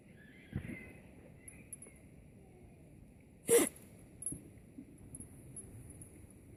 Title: Dog is sneezing